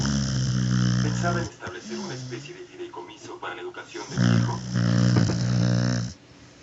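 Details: Snoring in a sleeping pet dog: deep, loud rumbling snores with a quieter breathy pause between them.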